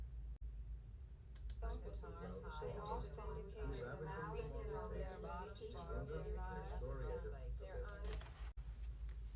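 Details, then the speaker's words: Speech-in-noise hearing test stimulus, harder version with louder background noise, following an easier version with the sentence "The marsh will freeze when cold enough." "That one was probably a little bit more difficult and it should have been because the background noise was louder."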